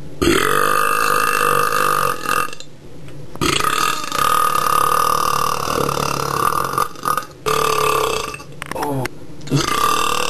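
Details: Repeated natural burping without soda, several done within about 5 minutes: long, drawn-out, deep throaty burps with short pauses between them; belching.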